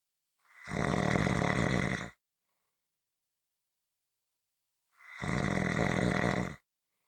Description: This is a 15-minute audio clip of Snoring.